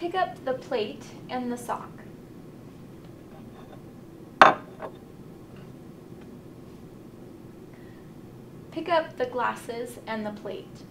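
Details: Adult female clinician; Normal speech.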